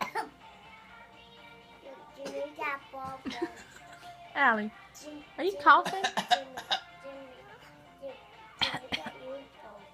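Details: A person deliberately imitates a cough on request, followed by laughter; an imitated cough.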